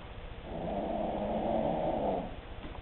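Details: A female Cavalier dog, with a short snout, snoring while asleep: a single long, low rumbling breath sound.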